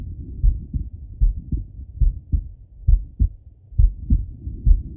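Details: Male lying on his left side, heart heard through a stethoscope: regular, deep, clear lub-dub at an ordinary resting pace; normal heart sounds.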